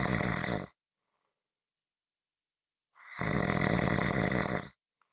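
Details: Two loud, rattling, fluttering breaths separated by a quiet pause, the second longer and louder: snoring, from a relaxation/white-noise snoring audio clip.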